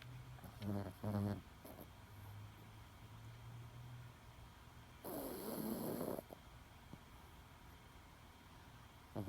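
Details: Loud sleeping snoring from a 10-pound Chihuahua: rough, rattling snores in bursts, with quieter breathing between them.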